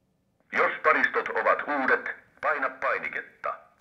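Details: Synthesized spoken AED voice prompt during setup, in short phrases with pauses.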